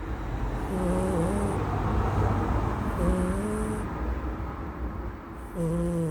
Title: My cat snoring.